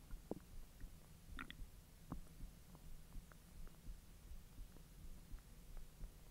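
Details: Belly recording while hot dogs are digested after the stomach was empty for 10 hours: irregular gurgles, pops and low rumbles; ordinary active bowel sounds.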